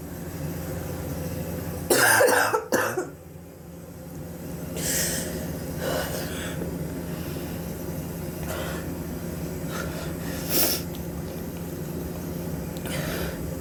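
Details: Adult with weeks of coughing, suspected bronchitis, X-ray planned to check for pneumonia: two loud, harsh coughs then softer breathy throat sounds over a steady low engine-like hum.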